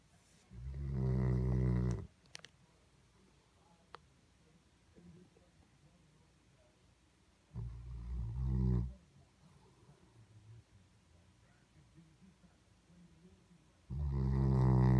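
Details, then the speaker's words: Sleeping Spinone dog: deep, rattling snores on each breath, three in fifteen seconds, with quiet room noise between; snoring. "Lucy, what are you doing? You were snoring."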